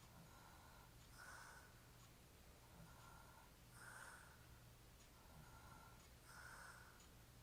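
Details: Hairy-chested adult man sleeping while drunk; quiet, rough breathing noises in slow cycles of about 23 a minute over a steady room hum: snoring.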